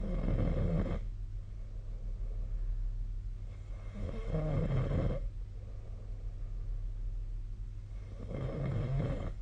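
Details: Snoring during sleep recorded with the SnoreLab app on 2025-02-02: deep, low rumbling snores on each breath in, about three cycles over nine seconds, over steady room hum.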